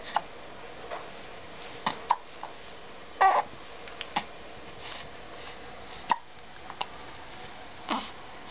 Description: Hiccup baby in her giraffe pajamas.